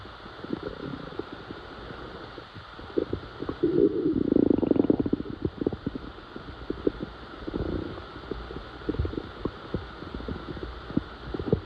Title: loud stomach growl